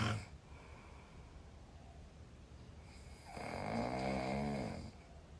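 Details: Loud snoring from a sleeping Chinese woman, with sleep apnea only hashtagged: a long, rattling snore on an in-breath after a quiet pause.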